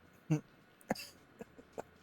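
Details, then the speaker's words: A short, sharp throat-clearing cough from an adult who says they have been coughing a lot during this gaming recording, followed by a few softer throat sounds in a quiet room; cough. "sorry about coughing so much in this recording it's really going"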